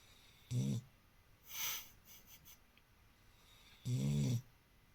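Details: Two loud, low, rattling snore-like breaths about 3 seconds apart, with a softer snuffling exhale between them, made while awake by a subject who does this very often; snoring while awake.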